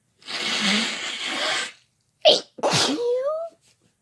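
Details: Two people, a male and a female, sneezing together: long hissing in-breath, then two sharp explosive ordinary sneezes close together, followed by "bless you"/"thank you" exchange.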